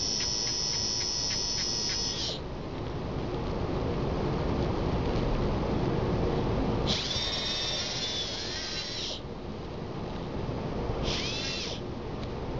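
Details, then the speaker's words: Short bursts of high-pitched dental handpiece whine over a rough, noisy background as a bur trims leftover excess acrylic from an interim restoration on tooth 21, in a dental student demonstration. "you see that there's still a little extra right here. Right there. So I'm going to take that off."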